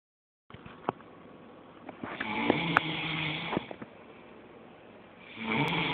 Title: Friend snoring and then socked in the face.